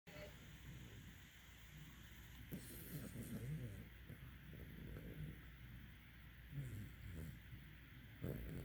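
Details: Puppy snoring.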